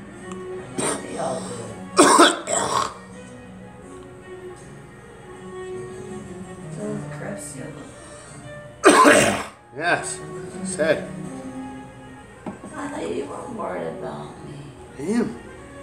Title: Me coughing